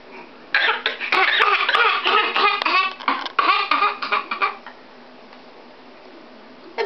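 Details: A young girl eating cereal makes voluntary fake coughs, forced and voiced bursts that blend into laugh-like sounds, which she now does instead of crying to get attention.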